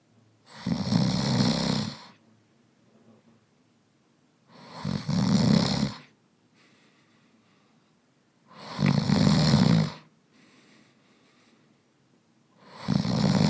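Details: Adult man in deep sleep recorded in a real bedroom with binaural microphones: loud rattling snores about every four seconds, about 15 breaths a minute, with quiet breathing between them.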